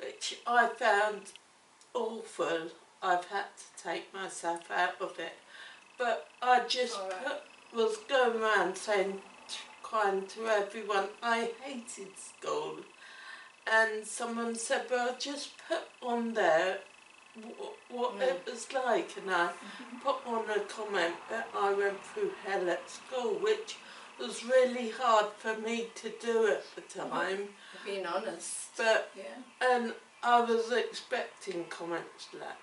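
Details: Adult woman with cerebellar ataxia, onset around age seven and diagnosed in childhood, affecting her coordination, speech and swallowing: ataxic dysarthria.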